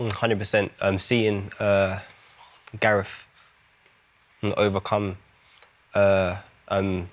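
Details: Adult male rapper with a stammer, who says music and rapping have helped him; stammering.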